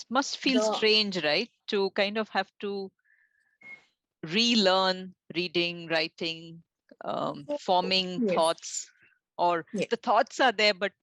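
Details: Adult woman speaking; Normal fluent speech.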